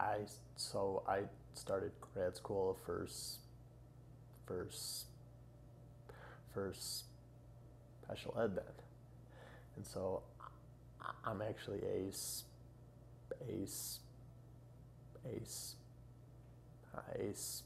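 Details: 30-year-old man who has stuttered all his life, after 25 years of speech therapy, recorded before a two-week Hollins Communication Research Institute fluency program; stuttering.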